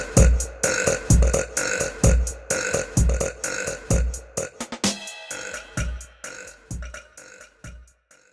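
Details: Female burping compilation: about a dozen loud, low, rumbling burps in quick succession over eight seconds, with faint music behind.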